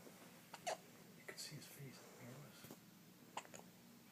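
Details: Baby boy with hiccups, soft sudden hiccup sounds about three in four seconds over quiet room noise, as he grows sleepy; infant hiccups.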